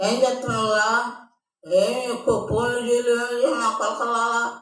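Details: Adult woman described as a stammerer, speaking on a phone call; stuttering.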